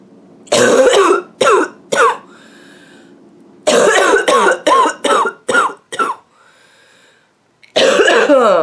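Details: A woman with a nasty, nonstop barking cough gives about ten harsh coughs in three runs, with drawn-in, slightly high-pitched breaths between bouts.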